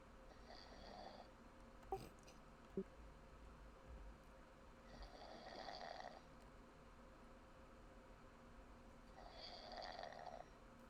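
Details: Soft, regular snores heard over a Discord voice-chat line, about one every four to five seconds, with a couple of clicks and faint room noise; snoring.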